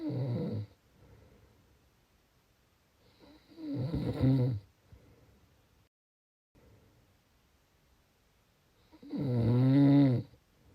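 Loud, rattling, low-pitched snores on breaths in, about three in ten seconds, with quiet gaps between: snoring.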